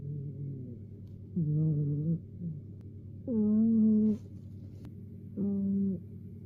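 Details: Napping cat snoring: soft, whistling, tonal snores about every two seconds, around 30 a minute, each sliding up or down in pitch.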